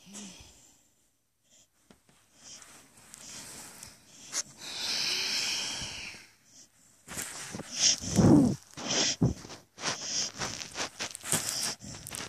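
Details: Dog sleeping with its mouth open: irregular noisy snorts and wheezy breathing sounds with outdoor noise in the background, snorting while asleep.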